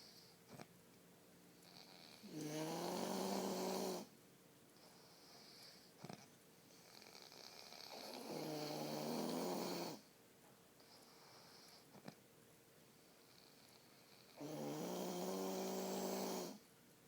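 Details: Husband snoring during sleep: three long, rumbling snores, one on each inward breath, about every six seconds, in a quiet room.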